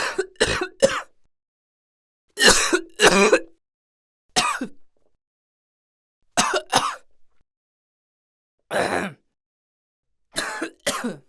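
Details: Acted adult cough sound effect: about eleven short, harsh cough bursts in small clusters with quiet pauses between.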